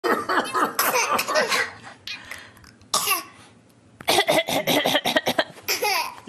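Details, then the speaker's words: A young boy deliberately fake coughing for several minutes, a run of forced coughs mixed with laughter, a playful imitation rather than illness. "it's a fake coffee making you laugh"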